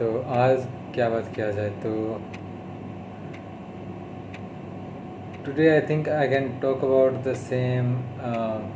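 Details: Adult male who stammers, on day 32 of speech therapy, speaking mixed Hindi and English; stuttering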